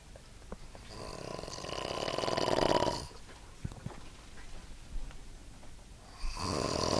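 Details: Snoring in a sleeping person: loud rattling snore on a long indrawn breath, quiet exhalation, then another snore beginning.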